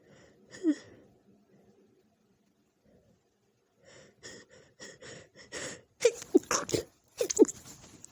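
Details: Female sneezing at night with a tickling nose, messy: several sharp, explosive sneezes after quiet sniffly breaths, a few small bursts in quick succession; low audio quality; sneezing.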